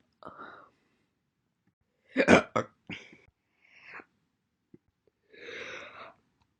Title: My Single hiccups throughout the entire months January 1st, 2021 to April 30th, 2021